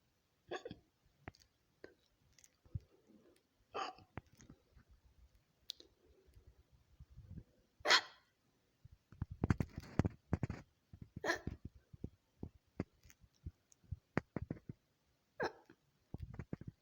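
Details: A woman's own hiccups spliced into a collage from several episodes: short, sharp, repeated hiccup sounds separated by quiet gaps and soft clicking; hiccups.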